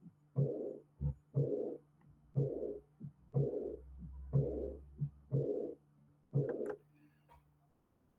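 Regular heart sounds at about 60 a minute, each followed by a soft blowing sound in diastole: the early diastolic murmur of aortic regurgitation.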